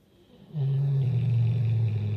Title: Great Dane snoring loudly